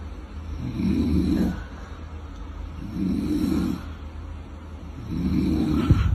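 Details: Rough, low rattling snores with each breath, about 27 a minute, from a sleeping father, with faint background noise; typical snoring during sleep.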